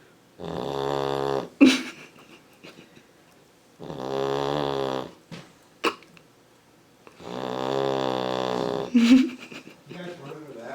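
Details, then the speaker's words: Sleeping Labrador puppy snoring loudly, first mistaken for a passing motorcycle; owners wonder if she is clogged up. Three loud, rhythmic, buzzing snores in about ten seconds, each followed by a short snort. "She thinks she's clogged up or something? She sounds like a motorcycle. Vroom vroom."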